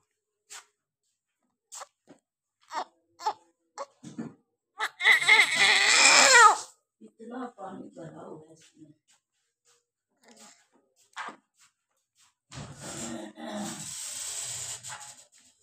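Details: Newborn girl just after normal vaginal delivery: brief gasps and clicks, then loud high-pitched crying bursts amid room noise and voices as spontaneous breathing begins; newborn's first cries.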